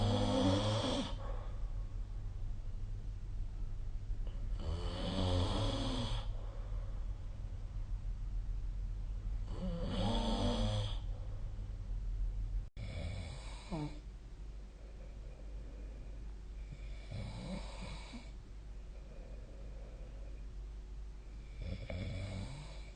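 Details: Regular rumbling snores with each breath in, about fourteen a minute, during sleep.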